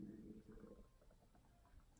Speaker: you hear that that was my stomach growling I'm starving